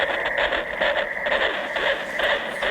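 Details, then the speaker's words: Fetal heartbeat recorded on a prenatal scan of a twin diagnosed with anencephaly, played back from a recording inside a teddy bear through a small speaker: rapid, regular whooshing pulses; fetal heartbeat on Doppler ultrasound. "heartbeat. Absolutely beautiful. It's a wonderful thing that you did."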